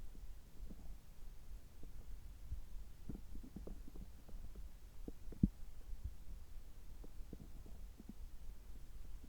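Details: Bowel sounds from the belly just after a gastroscopy (upper endoscopy) with normal results, while drinking water: quiet irregular low gurgles and pops over a steady hum; ordinary bowel sounds.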